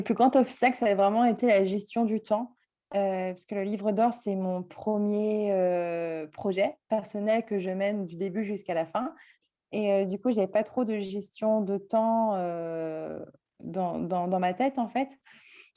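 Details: Speech of a 24-year-old woman with self-described mild cluttering, a fluency disorder present since childhood; cluttering.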